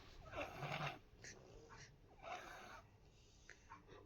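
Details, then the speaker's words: Sleeping young child, unwell with cold and cough, given medicine, nose blocked, on nebulizer: two loud, rough snores a couple of seconds apart; snoring from nasal blockage. "देखो आराम से सो रहा है, but इसको ना इसकी नाक बंद हो रही है। ये देखो बहुत तेज़ तेज़ खर्राटे ले रहा है।"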